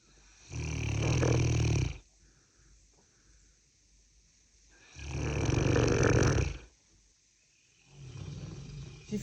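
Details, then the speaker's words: Female Cane Corso dog heavy snoring: loud, low, rumbling snores on each breath, about 16 per minute, with quiet pauses between. "Ну ты храпи потише мне ничего не слышно"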